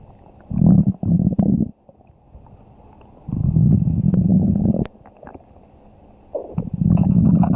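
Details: Long, low rumbling gurgles in several bursts with quiet gaps; stomach growling (borborygmi), ordinary bowel sounds often heard with hunger.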